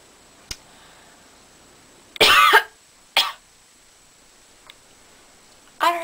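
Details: A few short, dry coughs with faint clicks between them in a quiet room, after breathing incense smoke while pretending to smoke a chocolate cigarette.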